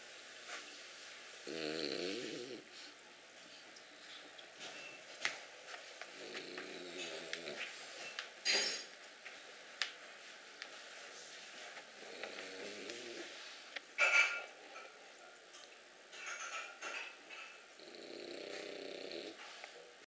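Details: A sleeping dog snoring: quiet, irregular snorting snores with short rattling bursts every few seconds in a quiet room.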